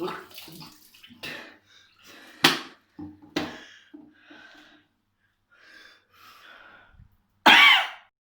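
Several abrupt, explosive bursts, likely about three or four separate coughs, with quieter water-like and room sounds between them.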